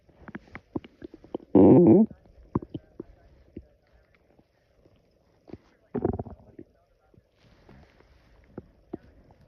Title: Loud stomach growling after drinking coffee on an empty stomach prt 2